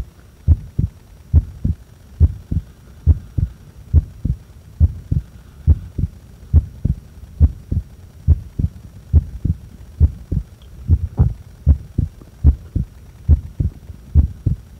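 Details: Heart sounds recorded during breath-holding after inhaling and after exhaling: clear, regular lub-dub at about 70 a minute with no breathing noise over it; normal heart sounds.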